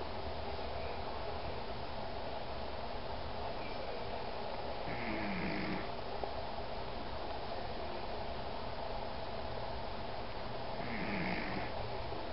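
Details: Snoring in a 14-year-old rescue Pomeranian dog: continuous low rumbling snore over steady background hum, with two louder snorting breaths about six seconds apart.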